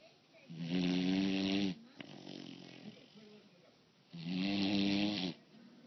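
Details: Female snoring: two loud, long buzzing snores on inhalation separated by a softer breath out; typical heavy snoring.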